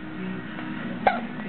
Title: 2009 02 09 Hiccups